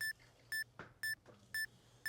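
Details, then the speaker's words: Polar heart rate monitor alarm during a stair-climbing exercise demo: regular short electronic beeps, about two a second, signalling heart rate went over the target zone. "then you hear that he started beeping again that means that she went over her heart rate zone she needs to stop"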